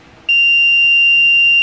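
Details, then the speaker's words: During a function-check vent test on an LTV 1200 ventilator, pressing select brings a sudden steady high-pitched electronic alarm tone after a quiet room: a ventilator alarm test. "we're gonna go ahead and hit select first thing it's going to pull up is the alarm so when we press the the select button we should hear the alarm go off"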